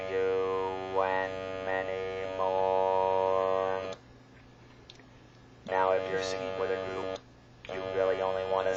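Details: User singing Happy Birthday with an electrolarynx: a monotone buzzing voice with very little pitch range, struggling to hit notes.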